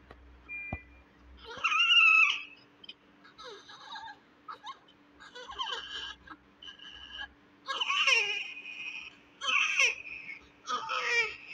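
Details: Repeated high-pitched wails with short pauses between them and faint room noise, from a premature, low-birth-weight (1.8 kg) newborn; newborn cry.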